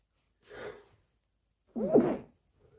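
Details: Late-night sneeze on holiday after a day with an itchy nose, with an attempt to muffle and stifle it because a roommate was asleep: a short in-breath followed by a sharp, explosive burst of air.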